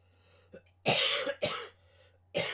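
Three loose, harsh adult coughs in quick succession, the last cut off, with a soft throat sound before them and a low steady hum behind: coughing.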